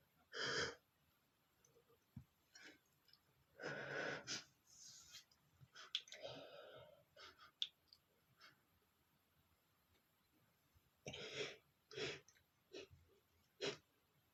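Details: An adult man sneezes repeatedly, trying to hold the sneezes back, so several are partly stifled, with sharp breaths and gasps between them.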